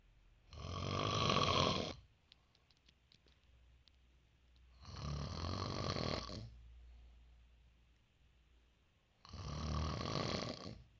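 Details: Three harsh, rumbling snores with each breath, about 14 breaths a minute, with quiet pauses between; snoring during sleep.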